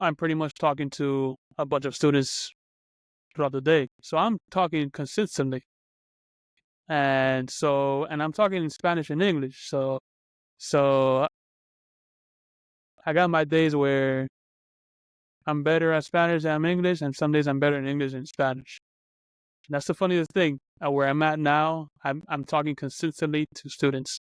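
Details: Adult who stutters, speaking as a podcast co-host in a real conversation; stuttering.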